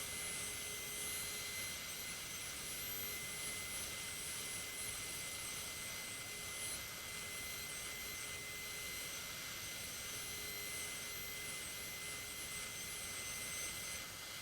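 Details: Steady high-pitched whine with hiss throughout: a high-speed dental drill preparing premolar or molar cusps for porcelain veneers.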